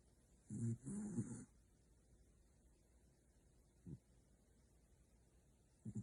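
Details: Corgi napping: a low, rattling snort-like breath, then brief soft breath noises in a quiet room; dog snoring.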